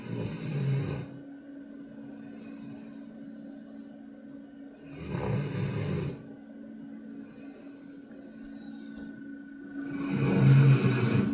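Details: 20-month-old female Pitbull x Kangal shelter dog in deep sleep after a long day: loud, deep snores, three in about eleven seconds, over a steady background hum; dog snoring.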